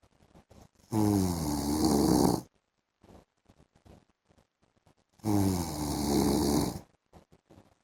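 Two loud, rattling snores on the in-breath, each about one and a half seconds, with quiet breathing between.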